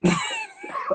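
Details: A man coughing after smoking ("coughing off the gas"), a cough.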